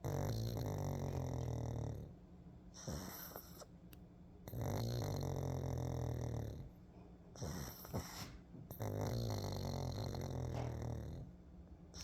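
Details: A Pug, a flat-faced dog, snores while sleeping and relaxing in the sun: loud, low, rattling snores in long repeated breaths, about five a minute.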